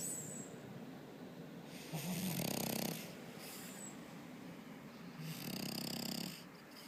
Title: Cheese the FrenchBulldog snoring